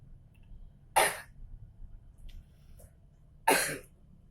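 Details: Two separate harsh, moist cough bursts a few seconds apart; a productive cough bringing up phlegm, which the speaker says contains golden fibres.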